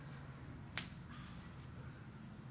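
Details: Single sharp crack of normal joint cavitation from the forefoot during a chiropractic thrust, part of a full-body adjustment demonstration with the patient breathing in and out, over quiet room noise.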